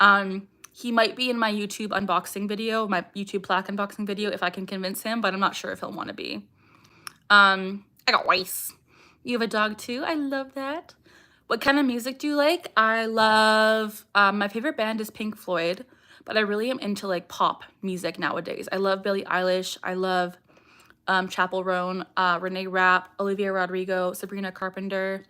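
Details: Young woman with Tourette syndrome, vocal tics including saying "I got rice", "ha" and barking; strong emotion such as anxiety or excitement increases her tics, and she tics more during livestreams; vocal tic (Tourette syndrome).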